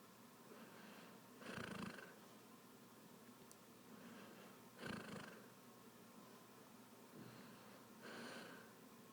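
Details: Sleeping person: three rough, rattling snores on inhalation, about 19 per minute, with quiet breathing between them; snoring.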